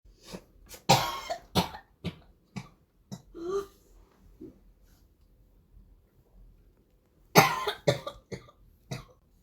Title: Звук коклюшного кашля. Ребёнок 12 лет. Whooping cough sound